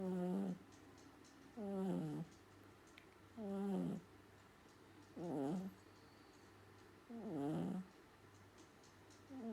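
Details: Two cuddly cats snoring while asleep: regular nasal snores, about 34 per minute, each a short rattling breath with quiet pauses between.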